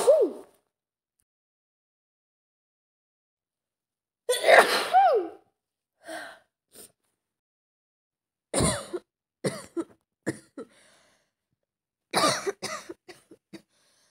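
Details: Simulated scenario of a girl with a bad cold: several sneezes with short breath catches, mixed with brief coughs and nasal sniffs, separated by silence.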